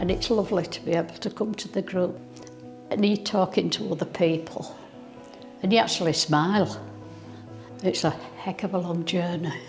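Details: Older adult woman speaking; normal speech.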